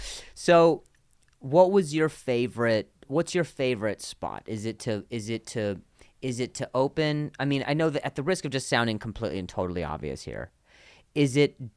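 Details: Adult man who stutters and links his stutter to an injury; real conversational speech with repetitions of words and phrases; stuttering.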